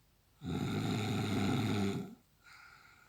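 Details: An adult man snoring, which the caption jokes is a "snoring machine": one loud, harsh, rattling snore lasting about 1.5 seconds, then a quieter breath; snoring.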